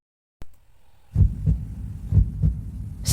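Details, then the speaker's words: Heartbeat of the musician in an IM3 advertisement, opening the ad to signal joy at meeting friends again: deep, regular paired thumps at about 60 beats a minute after a single click. "Nah, kita bisa dengar ya teman-teman, di detik paling awal kita mendengar suara detak jantung. Detak jantung ini adalah detak jantung asli dari musisi dalam iklan tersebut,"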